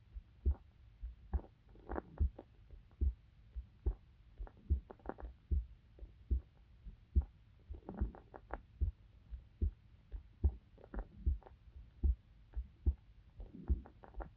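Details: Heart sounds of a female university student recorded for sleep-inducing ASMR: regular soft paired thumps at about 72 beats a minute, normal heart sounds.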